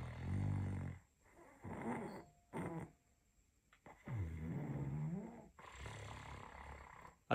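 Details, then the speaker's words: Patient breathing quietly while a therapist compresses the hyoid bone, which provokes snoring: low, rough rattling sounds on several breaths, broken by short pauses; snoring, attributed to hyoid compression. "Отпускаю подъязычную. Пациент просто дышит. И в этот момент важно понять, что зажатие подъязычной кости вызывает храп."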